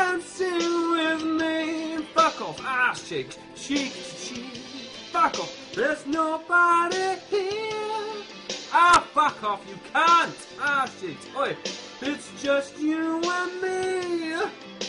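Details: Tourette syndrome with involuntary vocal tics, including swearing and exclamations, interrupting karaoke singing of a song; vocal tics.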